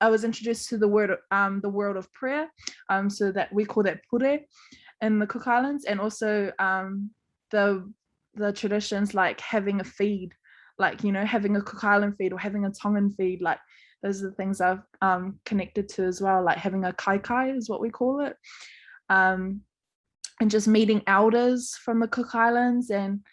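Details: Adult woman speaking; typical speech.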